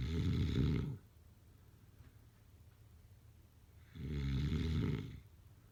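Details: Two loud, low, rattling snores on breathing in, separated by quiet pauses, about 15 breaths a minute: typical snoring.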